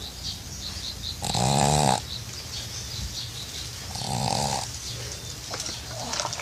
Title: Snoring Dog